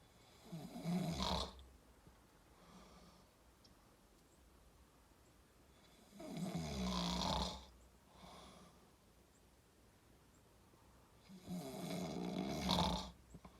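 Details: Adult man (father) asleep while out deer hunting: loud, rattling snores, about three in 14 seconds, with quieter breaths between.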